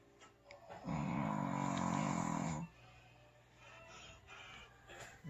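A drawn-out, buzzy snore on one breath, followed by quieter snuffling breaths; ordinary snoring in a sleeping dog.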